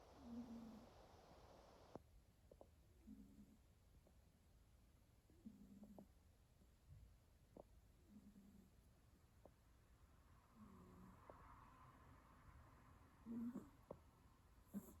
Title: Cat Snoring ①